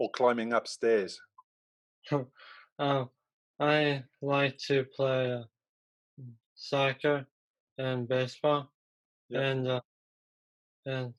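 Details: Male, about 18, who had a stroke at 15 from a ruptured left-brain arteriovenous malformation and a three-week coma; three years on, still in speech therapy, he understands well but has difficulty getting words out: aphasia.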